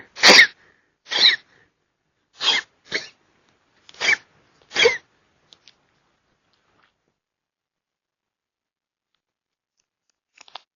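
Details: A raccoon gives six short, sharp, dry coughs in quick succession, then falls quiet, real backyard audio; cough.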